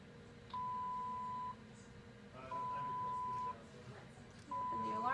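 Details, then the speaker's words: Infusion pump alarm during an IV line priming competency demonstration: steady one-second beeps about every two seconds over room noise, stopped by the nurse. "so that's clean I'm gonna let it dry quick and just stop this alarm"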